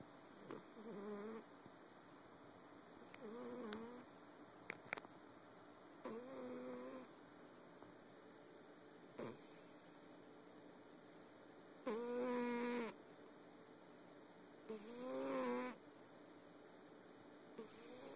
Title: Snoring cat